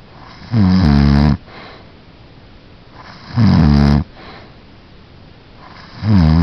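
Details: Snoring: loud, low rattling snores on each breath, about 22 a minute, with quiet pauses between.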